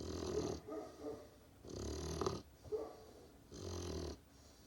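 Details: Sleeping Great Pyrenees puppy snoring: soft, low snuffling snores with short snorty sounds between breaths; ordinary snoring.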